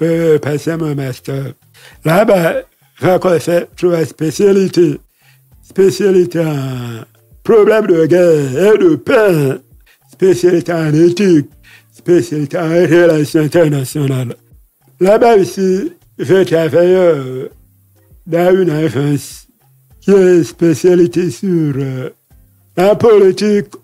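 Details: Deaf man who lip-reads, with hearing loss from a childhood illness, who says his voice is not normal because of it; speaking French; deaf speech.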